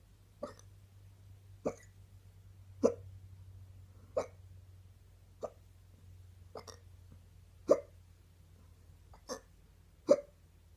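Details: Woman's stubborn morning hiccups: short, sharp hiccups about 25 a minute at a fairly steady pace over a low background hum; hiccups.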